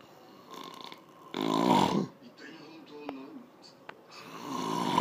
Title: When people say they don't snore